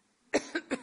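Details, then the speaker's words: Adult woman coughing during a public interview as her voice fails: three short, quick coughs in a row, a brief coughing bout. Drinking water does not stop the coughing. "another long Swig of water but but it doesn't stop the coughing"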